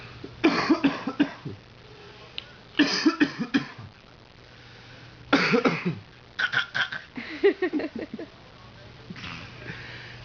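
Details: Young girl imitating her father's cough; a deliberate, copied cough.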